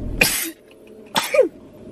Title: "My Air Conditioning Doesn't Work" *sneezes twice*